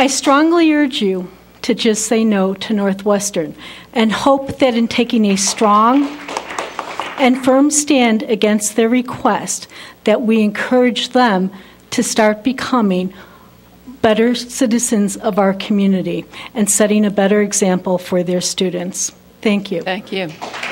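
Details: Adult woman speaking; normal voice.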